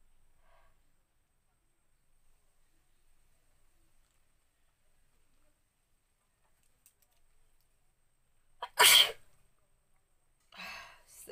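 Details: After a quiet stretch, a short catch of breath, then one loud explosive sneeze and a softer breathy sound; a woman's sneeze deliberately provoked by sniffing pepper.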